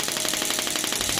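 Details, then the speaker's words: Heavy-duty radial shockwave therapy machine (HCD88990), frequency set to 12, 500-count session, firing after start pressed: fast sharp rattling pulses about twelve a second, like a small jackhammer. "तो दोस्तों यहां से हम start का button दबाएंगे कुछ इस तरीके से आप देख रहे हैं इसके अंदर फैन वगैरा चालू हो चुका है तो मैं आपको बताऊंगा"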